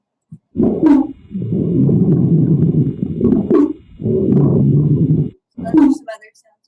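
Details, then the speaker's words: Squawks, described as inspiratory wheezes that may occur with pneumonia: low, rough breath sounds with brief, high-pitched squeaks during inspiration. "So they can get really squawks. It says these are inspiratory wheezes. Um they might have pneumonia."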